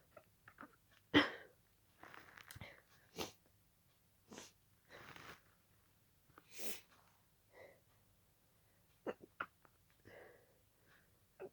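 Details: Rapid run of many short, quiet, partly stifled sneezes with little pause, part of a sneezing fit continuing from an earlier fit and lasting about 20 minutes at this speed; sneezing fit.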